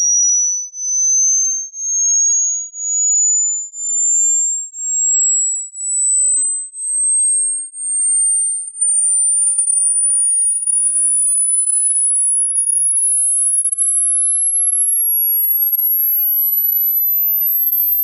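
Pure whistle-like tone rising slowly in pitch, pulsing about once a second, then steady; a hearing test sweep for checking high-pitch hearing.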